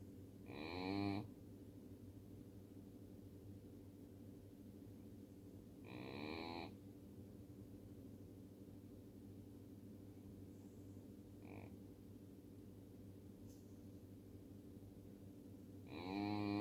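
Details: Miniature Schnauzer snoring: loud, rumbling, human-like snores about every five seconds over a steady background hum.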